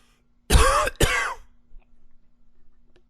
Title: coughing 23